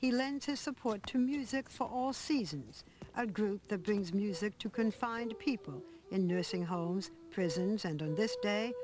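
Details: Adult female narrator; Normal speech.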